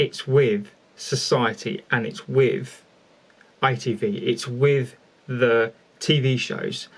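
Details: Adult male speaker; stuttering.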